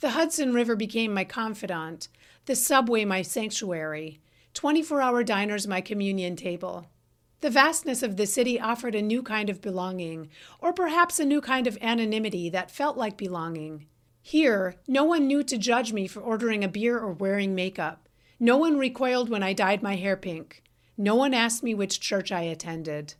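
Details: Adult woman; typical speech.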